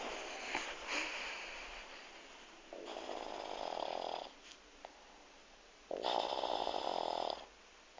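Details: Mother snoring: two loud, raspy snores on breathing in, separated by quieter breathing and room noise; ordinary snoring.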